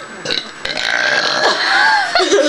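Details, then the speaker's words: Deliberate burping during a burping contest: a long, loud, drawn-out voluntary belch lasting about two seconds. "I used to do this all the time I get real loud ones out I need some water to clear it out"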